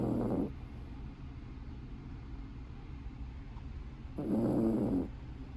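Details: Puppy snoring.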